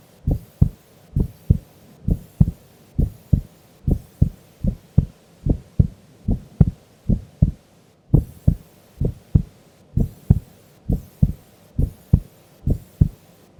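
Steady, regular paired thumps at about 70 beats a minute; a sleeping adult's heartbeat.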